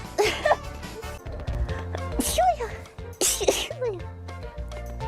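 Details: Several explosive, hissing sneezes, some with a voiced lead-in, over background music and brief talk; a compilation of VTuber livestreamers sneezing.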